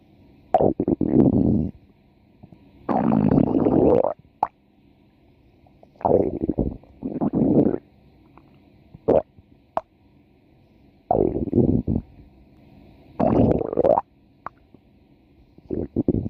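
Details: A female subject's stomach growling (borborygmi) from a 4-minute recording: repeated gurgling, rumbling bursts with pauses between them.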